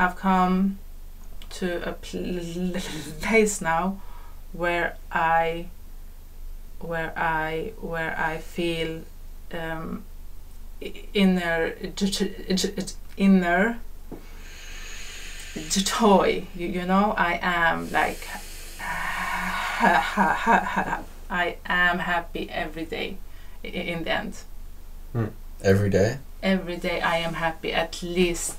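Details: Adult man who stutters, a podcast host who has worked with others on their stutter, speaking in an open conversation about stuttering; stuttering.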